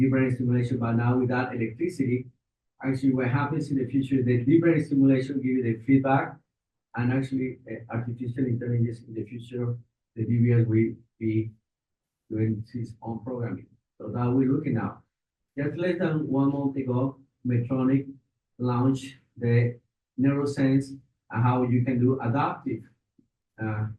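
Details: Adult man speaking; Normal speech.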